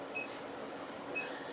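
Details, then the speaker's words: Two short high electronic clicks about a second apart over room noise: pulse clicks of a Harmony ClearLift facial laser handpiece during a live painless collagen-remodeling facial treatment demo; laser handpiece clicking. "so we separate each area so 500 um uh clicks on the on the forehead 500 on the chin and we're doing, 1500 on each cheek"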